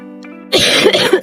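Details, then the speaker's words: After soft music, an adult woman gives a short burst of harsh, acted coughs in quick succession, saying she has a bad cough before making a turmeric-ginger kadha. Cough. "बहुत खांसी हो रही है, काम भी करा नहीं जा रहा, पहले काढ़ा बना लेती हूँ।"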